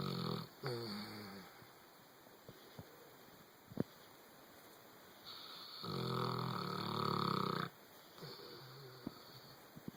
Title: Snoring and Dreaming